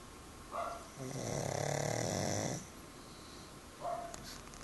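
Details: Sleeping pug: rattling, rumbling snore with snorting breaths, noisy breathing through a narrowed upper airway; snoring.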